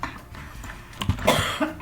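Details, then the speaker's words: An adult gives a couple of short, dry coughs in a quiet room, an occasional cough she attributes to allergies, during a recorded interview. "It's my allergies. You okay? Yeah. Yeah. It's just every once in a while I get a cough."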